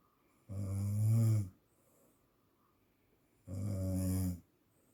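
Two loud, low, rattling snores about three seconds apart, each lasting roughly a second, in a quiet room: snoring.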